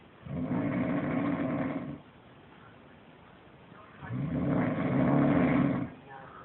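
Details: Snoring animal at a zoo: two long, deep, rattling breaths about four seconds apart, each nearly two seconds; loud snoring from a large animal.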